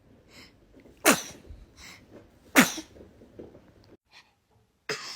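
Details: Infant sneezing: two sharp, sudden sneezes with soft breathing between and a third burst at the end.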